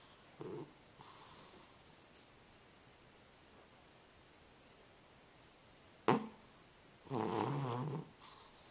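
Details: Cat with sleep apnea, asleep: snores and breathes noisily, then goes silent for about four seconds before a snort resumes breathing.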